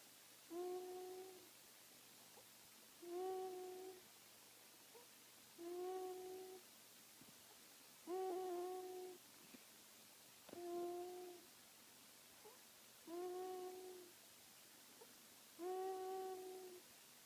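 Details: Sleeping baby snoring with soft, hooting owl-like snores on each breath, about 24 a minute; infant snoring.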